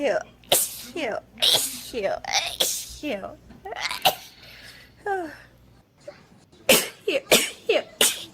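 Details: Several sharp sneezes in quick runs from girls sneezing rapidly, mixed with talk, laughter and "bless you"; ordinary repeated sneezing.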